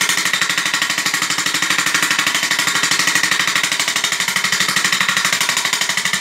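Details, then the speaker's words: SW7 shockwave therapy machine handpiece firing during a cellulite treatment: fast, even, sharp tapping at about three strikes a second, like a small jackhammer, at adjustable intensity. "é uma máquina está batendo mas é aí que o importante é a velocidade que ela bate e isso causa esse deslocamento de ar que a gente chama de aula e só é isso"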